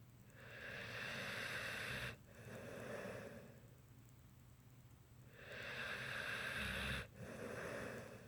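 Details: Two long, slow, hissing breaths with a rough snorting edge, about two seconds each with a pause between: snoring.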